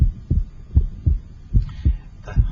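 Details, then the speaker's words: Regular paired heart sounds at about 80 a minute, heard with an electronic stethoscope at the pulmonic area; the second sound widens or splits on inspiration and becomes single on expiration: physiological splitting of the second heart sound. "second heart sound splits or becomes wider normally with inspiration and become single with expiration"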